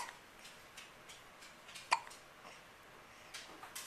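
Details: Child with hiccups while the mother talks to them on camera: one soft, sudden hiccup over faint room noise; hiccups.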